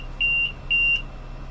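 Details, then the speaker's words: LTV 1200 transport ventilator alarm during a tutorial: two steady high-pitched electronic beeps over faint room hum. The alarm flashes and is acknowledged by double-clicking, but keeps recurring while the problem continues. "when you have a an alarm that goes off and is flashing at you you'd have to double click it and it'll go away it just wants you to acknowledge it"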